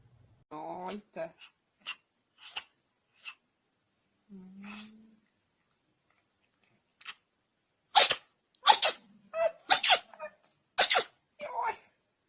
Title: Cats Sneezing Compilation